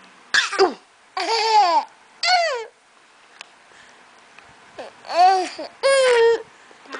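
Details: Young boy laughing and coughing at the same time while copying his aunt: high-pitched giggles mixed with about six short, playful cough-like bursts.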